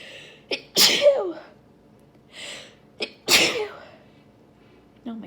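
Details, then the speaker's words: Woman with pollen allergy flare, stuffy nose and constant urge to sneeze: two forceful sneezes, each preceded by a quick in-breath; allergic sneezing. "whoo it just feels like I have to sneeze all the time like right now"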